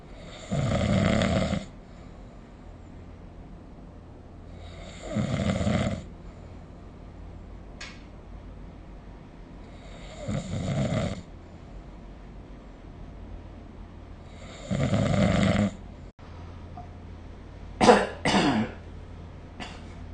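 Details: Snoring recorded with the SnoreLab smartphone app: loud rumbling snores recurring about every five seconds, with a couple of brief snorts near the end.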